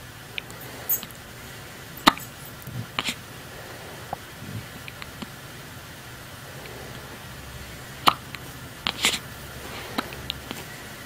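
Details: Hiccups: faint, brief clicking hiccup sounds recur at irregular intervals over steady room noise.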